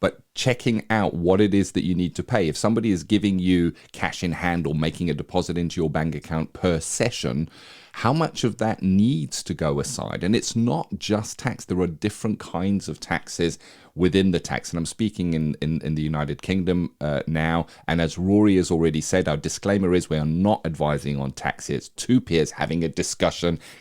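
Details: Adult male speaker; normal speech.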